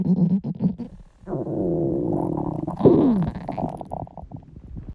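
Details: Girls' hunger stomach growling: loud, drawn-out growls with gurgling and a falling squeal, typical hunger rumbling of the gut (borborygmi).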